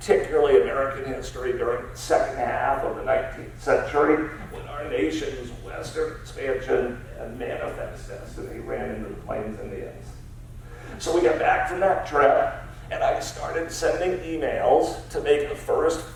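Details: Spasmodic dysphonia, a rare neurological disorder affecting only speech, in an adult man treated with periodic Botox injections.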